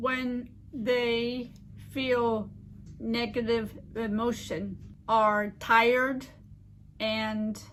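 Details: Adult woman living with aphasia and apraxia since a stroke 15 years ago: aphasia with apraxia of speech.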